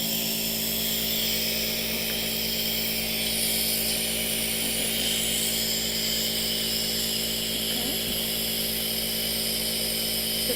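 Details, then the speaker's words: Simulated nurse roleplay: steady loud mechanical hum and buzz with a hissing layer as an aerosol nebulizer compressor runs, delivering medicated mist during a first breathing treatment for breathlessness. "okay now it's very loud okay the mist will probably be cool it's very loud okay so I'm gonna push the button in three two one okay"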